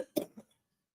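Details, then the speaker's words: Man off camera during a live show, said to be coughing and wheezing: a single short, harsh cough with a quieter trailing burst, heard at a distance in a quiet room; cough. "over here somewhere but you can't see him and he refuses to scoot his hand over but you can hear him coughing and wheezing"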